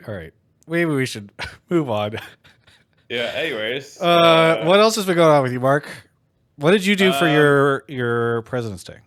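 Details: Adult speaker in a small room; Normal conversational speech.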